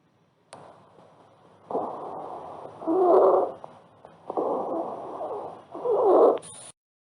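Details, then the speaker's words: Repeated noisy breaths, about 20 a minute, with a harsh middle-pitched musical tone on the louder phases, heard on inspiration and associated with upper airway obstruction; stridor. "para finalizar se encuentra el escribidor es de tonalidad intermedia y se asocia a la obstrucción de la vía aérea superior y se escucha en inspiración"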